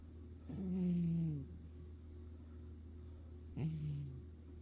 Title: 4/11/23 - more of my cat snoring in my ear.